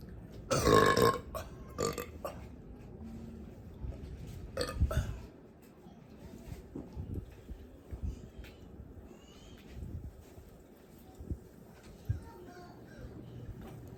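A loud, long belch followed by several shorter burps, then quieter gulping and background noise.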